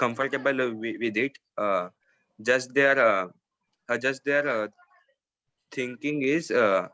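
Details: Male participant who stammers, speaking in a stammering association's parent-child forum; he says his parents are comfortable with his stammering and speak slowly in front of him; stuttering.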